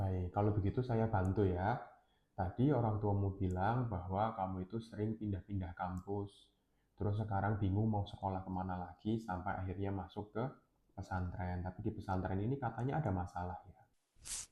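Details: Adult male speaker; normal speech.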